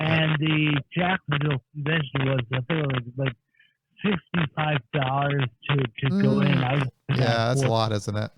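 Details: Adult man with speech impediment caused by a major auto accident, on disability because of it; dysarthric-sounding speech: acquired speech impairment.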